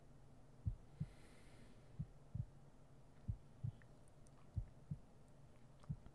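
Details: ASMR sleep-aid roleplay heartbeat sounds: soft, steady lub-dub at about 46 beats a minute over a low hum; normal heartbeat.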